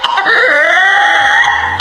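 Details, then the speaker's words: Whooping cough (pertussis): forceful, prolonged cough bursts ending in a long, high, crowing in-drawn whoop like a rooster's crow. "鸣样咳嗽，咳嗽剧烈且持续时间长，结尾像鸡打鸣，很可能是百日咳，赶快去医院。"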